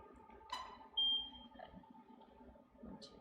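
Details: Short high electronic tone in a quiet room as a LUVO Lucent intense pulsed light device fires a pulse during an IPL photofacial on the medial cheek and nose of a woman treated for vasculature and pigmentation.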